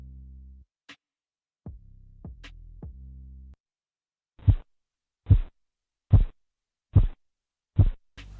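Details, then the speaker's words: Blood pressure measurement with cuff and stethoscope: sharp, clear, strong tapping sounds at about 72 a minute, the first Korotkoff sounds marking systolic pressure; Korotkoff phase I. "El primero nos indica los 2 primeros ruidos que se escuchan, que son fuertes y nítidos. Este ruido viene a indicarnos la presión arterial sistólica en adultos y niños."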